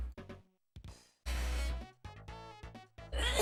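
A couple of short catching breaths lead into one loud, forceful sneeze burst, followed by further voiced sounds, with music playing in the background.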